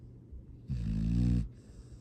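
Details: Sleeping foster rescue dog gives a single low, fluttering snore on the in-breath in a quiet room; ordinary canine snoring, recorded Dec 13 2022.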